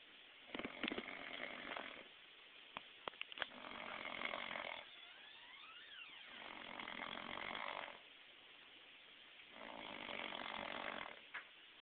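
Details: Drunk adult man snoring: loud, harsh rattling snores about every three seconds, roughly 20 breaths a minute, with quiet pauses and a few clicks between them; heavy snoring.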